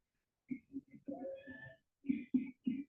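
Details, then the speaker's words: Whooping cough (pertussis) example in a child: a quiet coughing fit of short paroxysmal bursts, like choking, with a long high-pitched whooping breath in. "Basically, it's that paroxism of cough. Kind of like when you're choking on something and you're just coughing so hard that you can't even get in a deep breath."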